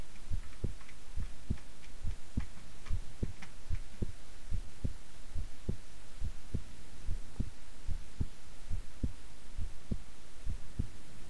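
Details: Person's own heart sounds recorded at length while keeping still and relaxed: steady, soft lub-dub heartbeats at about 70 beats a minute over a low hum; normal heart sounds.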